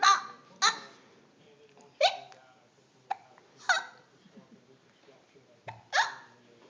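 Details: Baby with hiccups while aunts mimic them: sharp, abrupt voiced hiccup sounds recur about every one to two seconds, some likely adult imitations; repeated hiccups.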